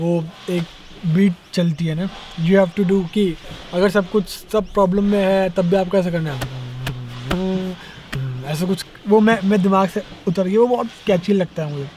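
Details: Conversational Hindi from a young adult male rapper who says he stammers when he talks, more so when speaking Hindi; stuttering.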